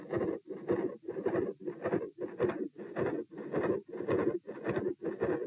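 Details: Loud, whooshing murmur with each beat that barely pauses between beats, at about 110 per minute, recorded at position P with the patient standing; a large, loud continuous murmur through S2, possibly patent ductus arteriosus.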